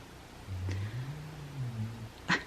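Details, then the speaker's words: One low, rumbling snore from a sleeping female dog in a quiet room, with a brief click at the end. "you hear my dog snoring she's such a stinker"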